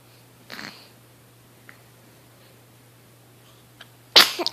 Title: Yawn, Sneeze, Hiccups